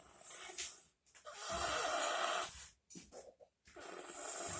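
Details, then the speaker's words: Young child asleep stacked in a chair with another child, very loud snoring: loud, harsh, rattling breathing sounds separated by brief silences. "world this is the loudest snoring child you will ever meet in your life this is miss zion i want to get a close-up cause i want y'all to know this is the loudest snoring child"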